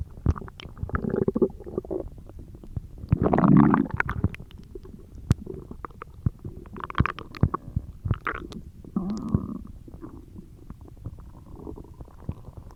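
Low gurgling and rumbling bowel sounds in irregular bursts, ordinary stomach growling.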